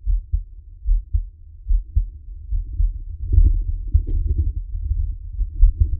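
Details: Adult man's own heartbeat recorded for ASMR relaxation: soft, steady low thumps in a regular rhythm at about 80 beats a minute; ordinary heartbeat.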